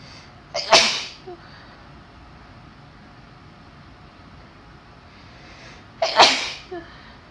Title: Birthday Sneezes 🥳